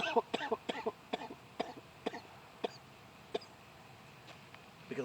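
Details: Adult vlogger with a lingering cough after a throat illness, throat now feeling better: a run of about eight to ten short, loose, wet coughs and throat clearing, then quiet; productive cough.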